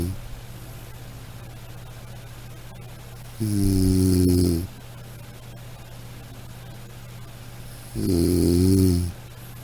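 Two long, low, rattling snores on in-breaths over steady background hum, roughly 13 a minute: snoring.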